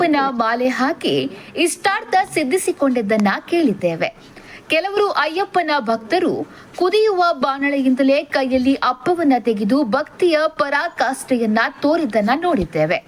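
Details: Adult female narrator; normal speech.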